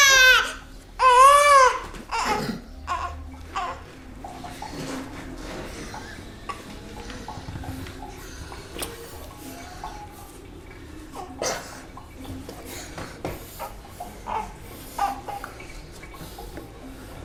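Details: One loud, high-pitched newborn cry near the start, then quieter fussing amid room noise and clatter, during the baby's first bath on a tiled kitchen floor.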